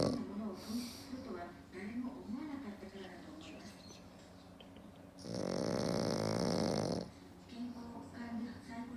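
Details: Black pug napping: soft snorting breaths, then a loud, rattling snore lasting about two seconds; typical flat-faced dog snoring.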